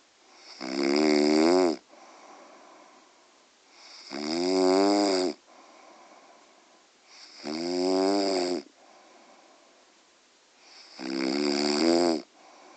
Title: mum snoring